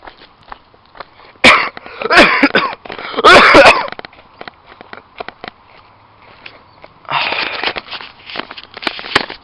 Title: Small Coughing fit